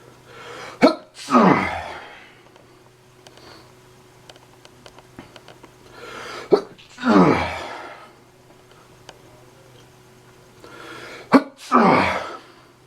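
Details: Repeated sneezing from painful allergies: three sneezes several seconds apart, each a sharp inward catch followed by a forceful burst.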